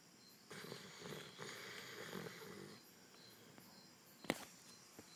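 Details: Pit bull dog snoring while asleep: a long, rough, noisy breath of about two seconds, then a quieter stretch with a brief sharp sound.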